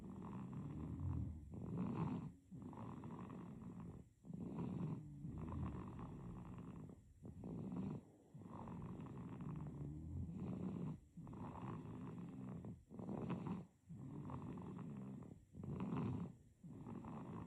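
Regular rough, rattling snoring on each breath, about 8 breaths in 17 seconds with short pauses between; an infant snoring in sleep.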